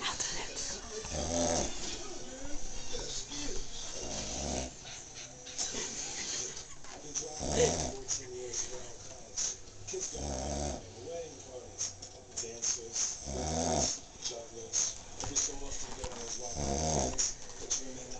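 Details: Adult man (husband) snoring, with loud, rough snores every few seconds over room noise, quiet talk and laughter. Ordinary snoring.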